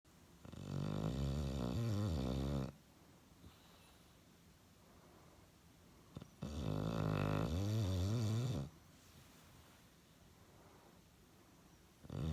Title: Sleeping Snoring Bulldog